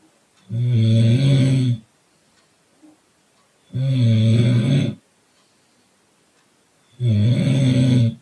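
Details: Person sleeping in a car, snoring: loud, low rattling snores on each in-breath, about three over eight seconds, with quiet pauses between.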